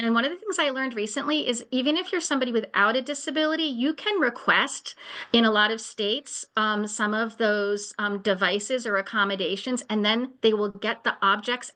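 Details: Adult woman speaking; normal speech.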